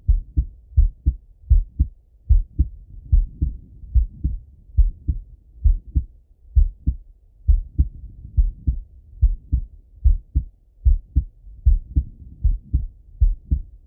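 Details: Male heart auscultated with a stethoscope, recorded either sitting at a desk or lying in bed: steady paired lub-dub beats at about 74 a minute, no extra sounds; normal heart sounds.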